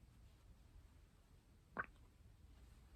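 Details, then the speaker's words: Single brief gurgling stomach growl in a quiet room, heard at night in an adult woman with a pituitary tumor, IBS and painful bowel movements, after a desmopressin nasal spray; bowel sound. "do you hear that that was my my stomach made like a funny sound good night"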